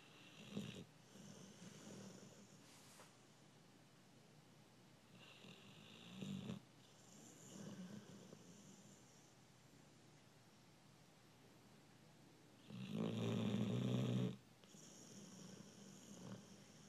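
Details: A sleeping American Bulldog snoring: low rumbling snores every few seconds, about five in the clip, with one louder, longer snort; dog snoring.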